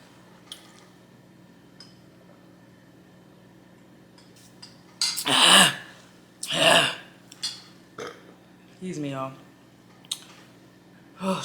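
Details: Person eating fried chicken during an eating show: two loud, throaty belches, then a shorter croaky burp amid quiet chewing and kitchen clatter; belching.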